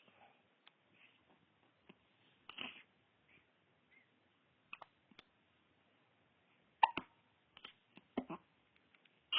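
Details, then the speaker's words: Infant with hiccups, heard in the morning. "You got hiccups."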